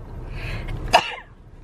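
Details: Girl sneezing: one short explosive sneeze over a noisy background.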